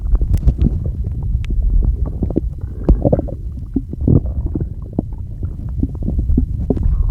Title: [STOMACH NOISES] I can't get them under control